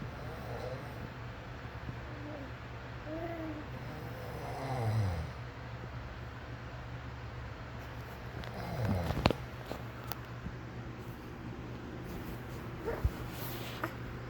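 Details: Low rumbling snore-like breaths, irregular, with a steady low hum and a few clicks in the background; snoring.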